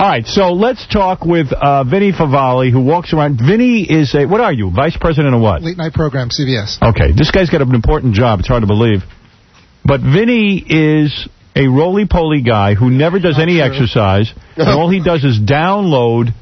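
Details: Adult male radio host; Normal fluent speech.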